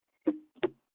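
Two short thumps from a simulator, a lub then a dub: normal first and second heart sounds.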